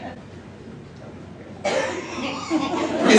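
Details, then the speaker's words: Sudden harsh cough from an audience member at a live stand-up comedy show, after quiet room noise and followed by loud crowd sound. "that you oh hold on let me just get behind my purifier put a distance between us"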